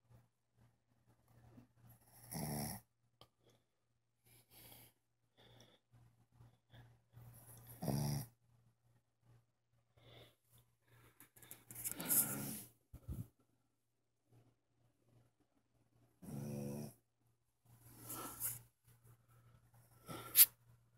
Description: Our dog Lita snoring loud, loud enough that I had to wake her.